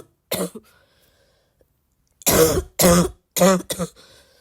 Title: hard barky coughing fit